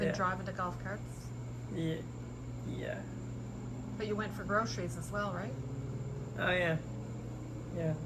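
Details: Adult interviewer in conversation; no speech disorder.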